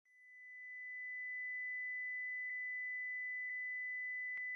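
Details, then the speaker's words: Simulated tinnitus: a steady high-pitched whistling tone fades in and holds, imitating the ringing or whistling heard only by the person with tinnitus. "vous avez des acouphènes c'est que vous entendez des sons qu'il n'existe pas dans la vie qui vous entoure vous seul pouvez les entendre cela peut être un sifflement un bourdonnement ou un ronflement"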